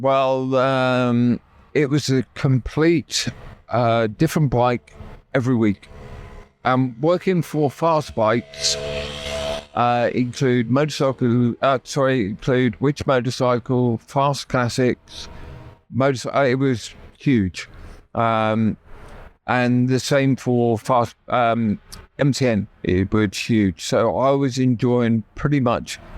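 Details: Adult man with persistent aphasia from a near-fatal stroke about 12 years earlier that took use of his right side; he relearned speech after leaving hospital with only three words, and still knows what he wants to say but can't get it out.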